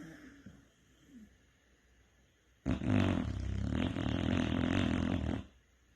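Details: Snoring during sleep: after a quiet stretch, a loud, rough, rumbling snore lasting nearly three seconds.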